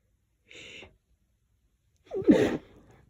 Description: i’m not allergic to lavender but i’m pretty sensitive to it.. thought i’d just stick my face in it and see how much i sneeze.